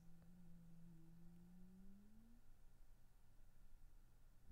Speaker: really sorry you had to hear that that was my stomach i'm like very hungry